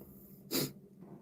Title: OnlyOneOf sneeze